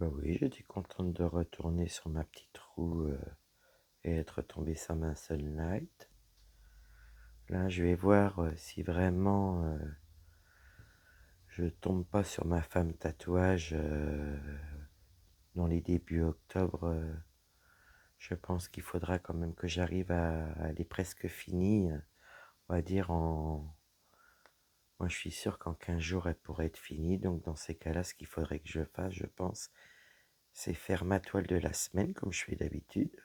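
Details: Woman whose vocal cords were damaged by a serious health problem; voice deeper than before, at times little voice, unable to speak loudly; dysphonia from vocal fold damage.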